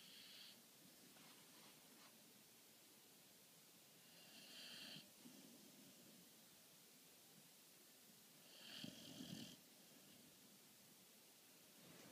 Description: 8 mo. pitt snoring